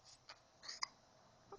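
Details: Tired young girl hiccuping while being read to: two or three short, sharp, high-pitched gulping catches in a quiet room, fitting hiccups.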